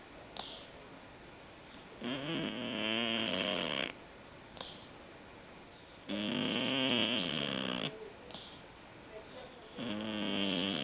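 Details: Cat snoring very loudly from noisy breathing due to a condition he had as a newborn, now fine: harsh snoring on each breath, about 16 breaths a minute, with a raspy whistling edge.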